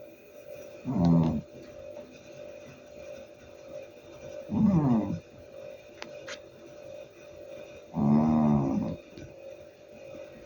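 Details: Loud, rattling inspiratory snores, about 17 breaths a minute with quiet gaps, from a sleeping cat; heavy snoring.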